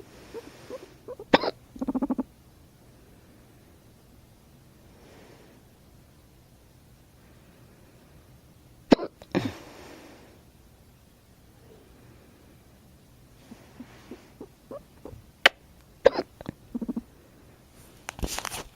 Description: My guinea pig purrs every time I hiccup xP